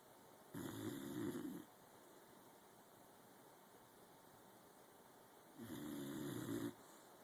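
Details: Pet Helmer, exceptionally tired one morning, asleep in a home office, later entering REM sleep: two long, rumbling snores about five seconds apart, near 12 breaths a minute; snoring.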